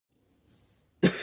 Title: bellender coughing